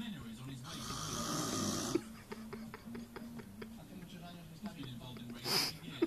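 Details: Extremely loud snoring, described as the world's worst, with the person filming laughing in the background.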